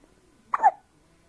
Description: my son hiccups while sleeping on my lap.